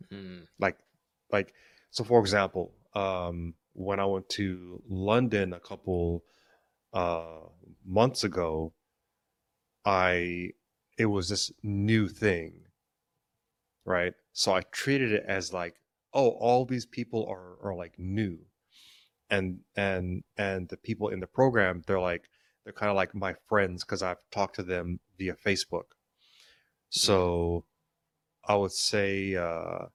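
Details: Stuttering in an adult man who has stuttered since childhood; he says it is situational, worse under stress and with authority figures, and links its triggers to past trauma.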